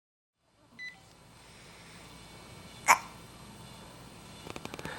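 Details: A baby girl has the hiccups in a quiet room: one sharp, brief hiccup with a fainter catch before it.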